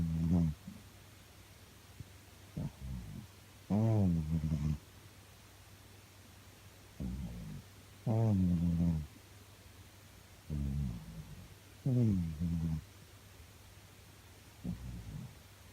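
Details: A sleeping cat snores in a steady rhythm of low, rumbling breaths, about 15 a minute.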